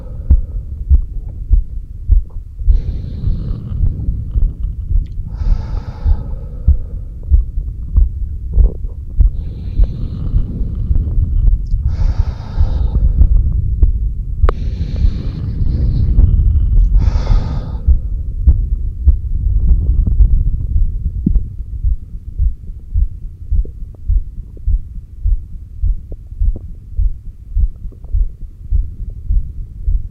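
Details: Normal heart sounds recorded by stethoscope at the apex, steady at about 100 per minute, with loud breaths in the first half, during exhaled (stomach vacuum) and inhaled breath-holds, pushed a little. SpO2 was shown on a new oximeter, and occasional strong stomach growls occur.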